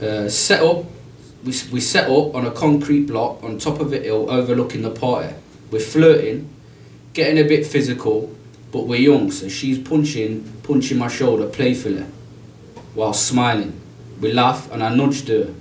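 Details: Adult male, self-reported stutterer, reading a story aloud with word repetitions; stuttering.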